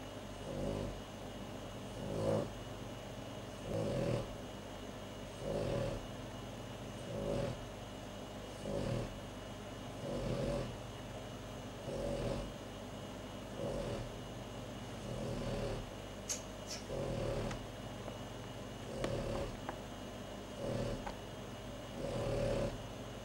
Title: Poppy Snoring